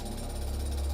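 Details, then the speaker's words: Simulated tinnitus, a phantom sound perceived without any external source, described as whistling, buzzing or ringing, like hearing a jackhammer all day; constant or intermittent. "Sifflement, bourdonnement, sonnerie. L'acouphène prend 1000 visages. Imaginez de passer votre journée à entendre un bruit de marteau-piqueur."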